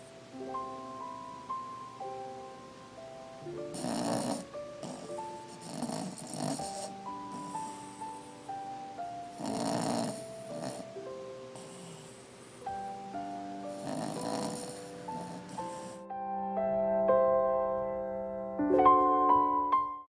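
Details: Sleeping, dreaming French Bulldog snoring: raspy snores recurring every few seconds, about six in the clip, over background music.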